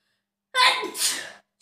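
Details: Single sneeze from a self-induced sneezing challenge (30 sneezes): a quick in-breath catch, then a forceful hissing burst.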